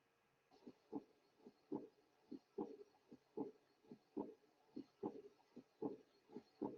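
A steady heart rhythm of about 73 beats a minute, with a soft, blowing sound that begins right after the second heart sound and fades away in early diastole. This early diastolic decrescendo murmur is the mark of mild aortic regurgitation, where blood leaks back through the aortic valve.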